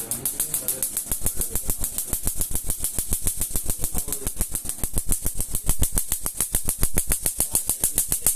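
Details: Laser tattoo removal on an 8–9-year-old homemade needle-and-gel-pen-ink tattoo: rapid steady sharp snapping clicks, about ten a second, from laser pulses.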